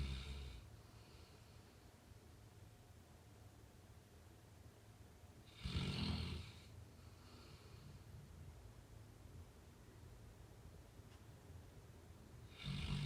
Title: Labrador snore